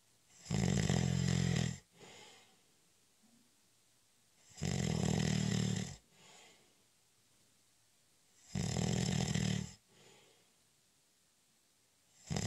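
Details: Snoring during a short, light nap (a doze): loud, rough, rattling snores on each inward breath about every four seconds (roughly 15 a minute), with quieter outward breaths between.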